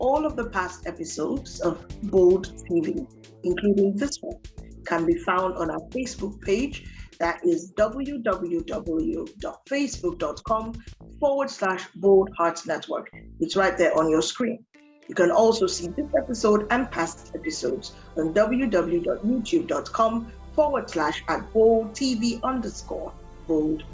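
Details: Adult woman speaking; ordinary speech.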